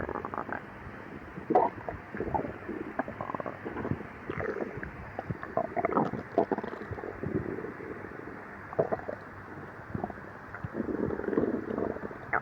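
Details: Irregular low gurgles and rumbling bursts from the abdomen of a person with severe lactose intolerance, before and after drinking milk following 12 hours without eating; stomach growling, borborygmi.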